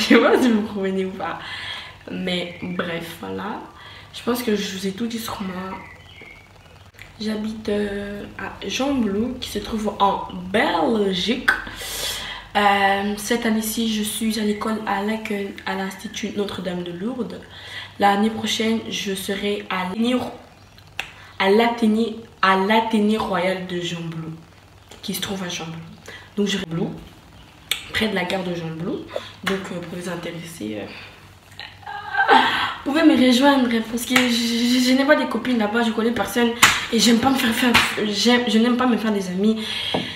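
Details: Woman who says she stutters; stuttering.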